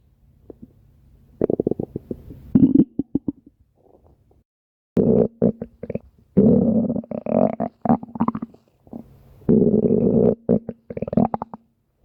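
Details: Stomach growling (borborygmi): bursts of gurgling, rumbling and bubbling sounds with short pauses between them, from gas and fluid moving through the gut.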